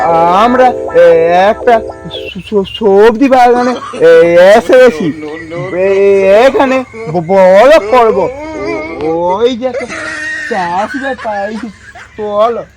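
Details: Acted stuttering portrayed by a stuttering-blogger character in a Bengali comedy sketch. Stuttering (acted).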